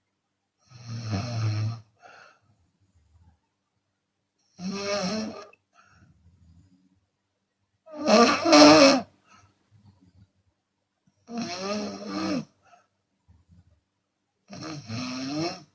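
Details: Chinese woman snoring with open mouth, sometimes on exhalation: loud, rasping snores about every three to four seconds, with faint puffs of breath between; open-mouth snoring.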